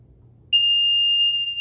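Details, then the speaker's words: Simulated sibling alarm on an infant apnea monitor, which sounds when the monitor is switched off incorrectly: quiet room, then a sudden steady high-pitched tone. "So I'm going to turn it on, and now I'm going to simulate a sibling alarm."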